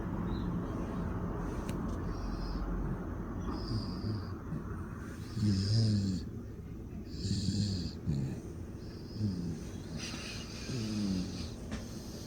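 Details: Snoring in a sleeping 7-month-old baby boy: low rumbling snores with each breath in, about 33 a minute, over steady room noise.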